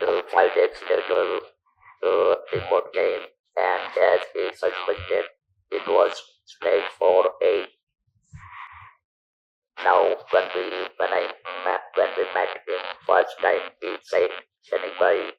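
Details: Adult who speaks with an electrolarynx after surgery in 1997 for stage 4 vocal cord (throat) cancer removed his natural voice; about 10,000 days of survival; electrolarynx speech.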